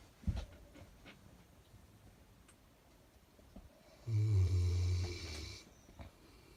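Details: Loud, rough, low single inspiratory snore amid quiet room noise from a sleeping dog worn out after a morning walk in the hills; snoring.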